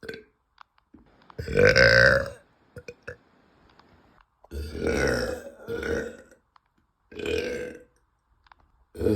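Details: Woman's uncontrollable burping after eating, reportedly bloated and gassy: four loud, drawn-out throaty belches over about nine seconds, with quiet gaps between.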